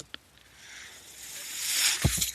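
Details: Ventilator audible behind the user's own speech while he records a Star Wars podcast; a soft airflow hiss builds over about a second and a half, then a few low thumps. One mechanical ventilator breathing cycle.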